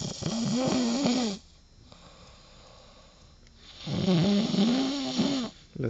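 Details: Man snoring after drinking too much agave liquor: two long, loud, rattling snores with a quiet pause between them; ordinary snoring.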